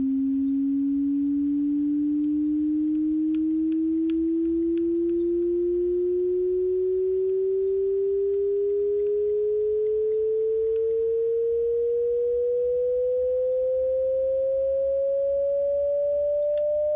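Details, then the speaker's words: Simulated role-play ASMR hearing test: a steady pure tone rising slowly in pitch over faint background hiss, played until the listener can no longer hear it; frequencies above 12,000 Hz become inaudible with age. "8,000 Herz to about 12,000 is usually the standard where everyone can listen to it once you start passing 12,000 that's when the elderly people can no longer hear it"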